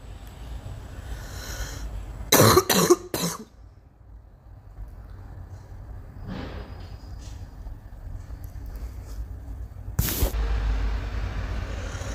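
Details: Girl coughing: a quick run of three coughs, then a faint cough and one more sharp cough over low background rumble.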